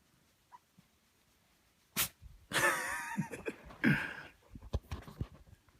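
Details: A house cat made to sneeze by its owner: a couple of sharp, quick sneezes in a quiet room, with soft snuffling after.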